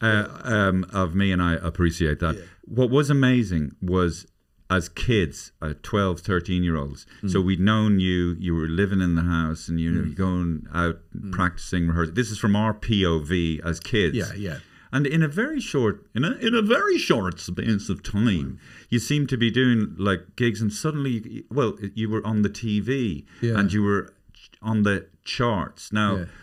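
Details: Adult male speaker; normal conversational speech.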